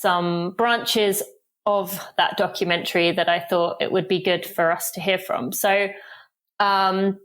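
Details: Adult woman speaking; typical speech.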